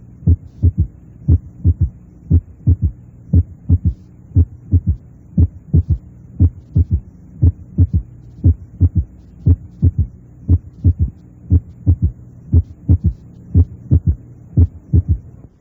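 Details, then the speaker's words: Simulated heart sounds of a child at about 58 beats a minute, heard with the bell applied lightly: a soft, low-pitched third sound 0.12–0.18 s after the second sound, at the end of rapid ventricular filling. This is a normal physiological S3. "Escuche un tercer ruido normal en un niño con un receptor de campana aplicado suavemente."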